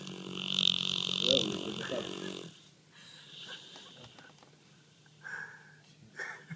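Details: Sleeping, dreaming dog: high, whiny dream noises, then soft snuffling snores; snoring.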